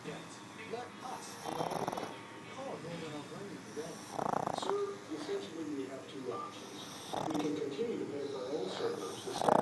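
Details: Two pugs sleeping head to head snoring: loud, rough snorts about every three seconds with softer whistling nasal sounds between.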